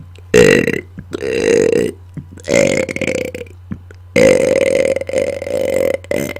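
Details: About five loud, prolonged voiced belches in six seconds, made deliberately on command after dinner into a microphone, over a steady background hum; burping.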